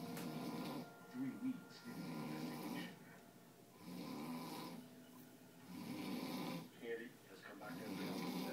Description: Man snoring all night